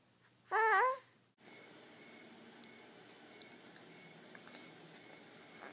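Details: Sneeze from Bo, who was crying in his sleep and sneezing.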